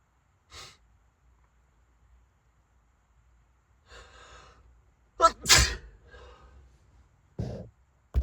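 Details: Sneezing fit while driving, bad enough to pull over to avoid a crash: a run of about three sharp, explosive sneezes, each with a quick breath in before it.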